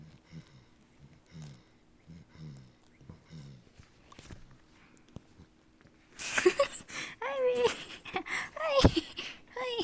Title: A cute dog snoring with her eyes open 🤣